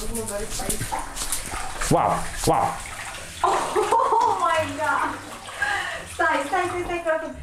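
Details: Adult speaker; normal speech.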